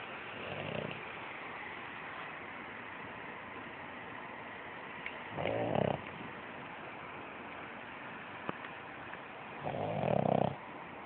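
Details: Snoring: slow, rough breath sounds recurring about every four to five seconds, around 13 a minute, in a quiet room.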